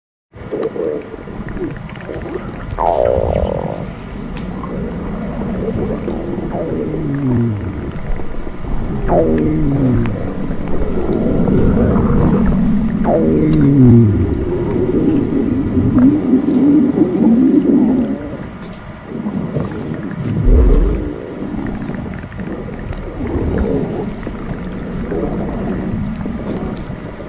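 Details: Continuous gurgling, squeaking and low rumbling from the belly as gas and fluid move; stomach rumbling (borborygmi).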